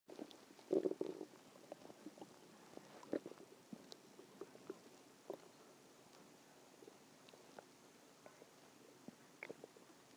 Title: stomach growling 1